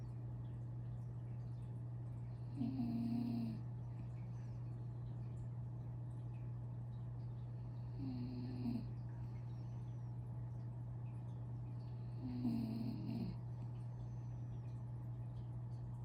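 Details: Mini doodle dog back asleep after breakfast, giving three soft, regular snores at about 13 a minute over a steady background hum.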